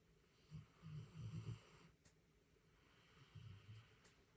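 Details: Griffin sleeping: soft, low rumbling snore bursts during sleep breathing, about three in four seconds, in a quiet room; snoring.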